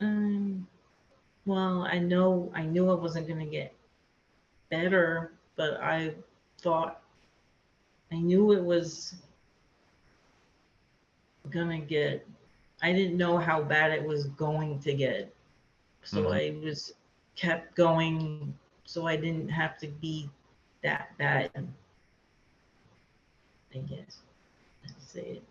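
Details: Aphasia in a woman after a hemorrhagic stroke; she could not talk for two years after the stroke and still has word-finding difficulty.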